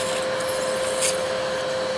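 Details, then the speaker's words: Household vacuum cleaner fitted with a Baby-Vac nasal aspirator, prescribed for a baby with breathing difficulty from sticky mucus and dried boogers: steady whining vacuum hum with airy rushing during nasal suction. "we will connect them and we will turn on the vacuum try"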